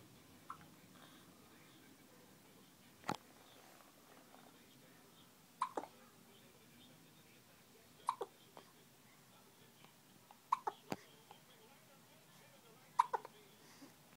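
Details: Male who gets hiccups at least once a day: short, sharp hiccup sounds about every two to three seconds, roughly 24 a minute, over quiet room noise.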